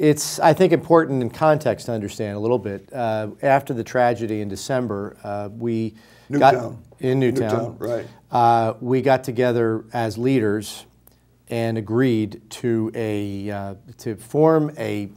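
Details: Adult man speaking; Normal speech.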